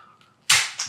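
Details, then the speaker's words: Chiropractic adjusting instrument: a spring-loaded tapping instrument applied by a chiropractor to the pelvis and lower back gives two sharp, snapping clicks, the first loud. "Okay, so I'm gonna tap the bones in your pelvis. And I'm also gonna tap the lower back."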